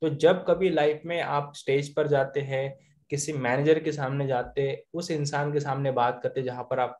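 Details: Adult male speaker; fluent speech.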